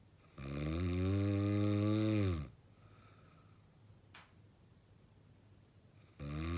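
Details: Extremely heavy snoring: very loud, deep, rattling snore lasting about two seconds, a quiet pause, then the next snore begins.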